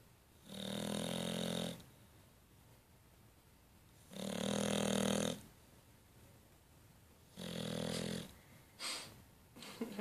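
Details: Sleeping dog snoring, recorded 2014-09-15: regular loud rattling snores, about one every three seconds, in a quiet room.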